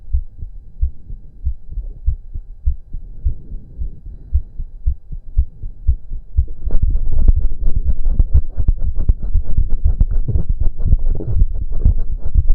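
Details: Male's rapid, pounding low heartbeat with heavy breathing during about 15 minutes of intense cardio, growing louder and faster partway through, rate said to be close to 200 bpm: fast heartbeat from exercise.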